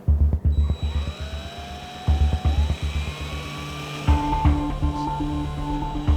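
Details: German Shepherd with a shattered leg fracture from a beach accident, amputation feared: bursts of low motor whirring with rising whine and intermittent beeps as a surgical drill goes through bone before a self-tapping screw.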